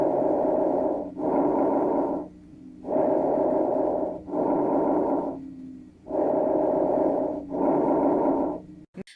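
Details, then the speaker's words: Normal bronchovesicular breath sounds, intermediate between vesicular and bronchial sounds, played as a teaching audio clip: steady breathing with inspiration and expiration of similar length. "ഈ vesicular സൗണ്ടിന്റെയും bronchial സൗണ്ടിന്റെയും ഒരു intermediate ആയിട്ടാണ് ബ്രോങ്കോവെസിക്കുലർ sound വരുന്നത്"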